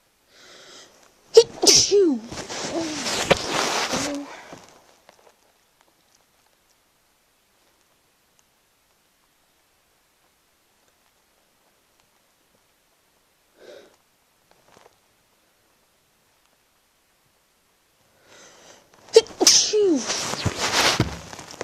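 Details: Two loud, full, deliberate unstifled sneezes from an adult, each with a breathy intake and a forceful burst, separated by quiet: sneezing.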